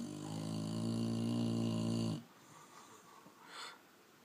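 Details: A sleeping dog snoring at bedtime: a loud, buzzing snore on the in-breath, followed by a quieter breath out.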